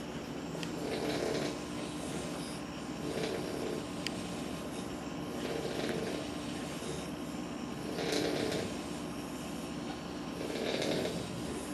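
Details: Sleeping Boxer puppies snoring: soft, repeated snoring breaths, about 25 a minute, under steady background noise.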